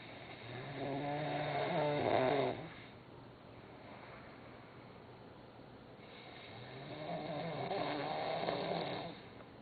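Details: Sleeping Turkish man snoring "like a horse", checked again as he keeps snoring: two slow, rough, rattling inspiratory snores separated by a quiet pause.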